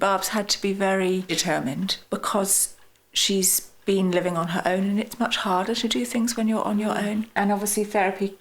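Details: Adult woman speaking; normal fluent speech.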